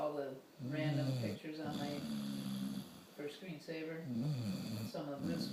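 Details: Snoring.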